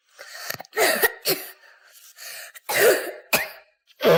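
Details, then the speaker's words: Child's reflux cough from stomach contents refluxing through the esophagus into the throat, irritating the mucosa: repeated dry, short coughs with throat clearing, occurring in an otherwise healthy child. "следующий тип кашля - это рефлюксный кашель он характерен когда есть заброс содержимого желудка через пищевод в горло"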